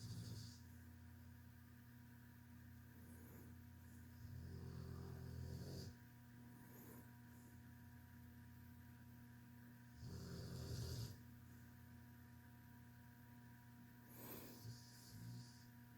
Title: Tank snoring.